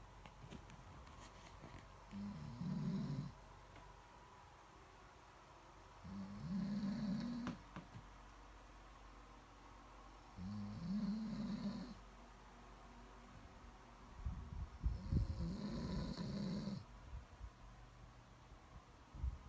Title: Snoring Sounds